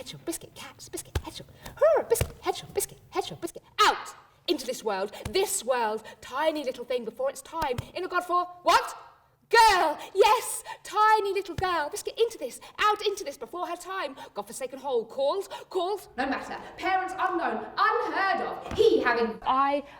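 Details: Adult woman speaking; Tourette syndrome vocal tics.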